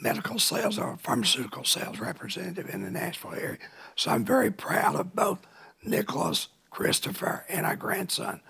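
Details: Dysphonia in an adult man now cancer-free after cancer he kept secret for years and first thought was a thyroid problem.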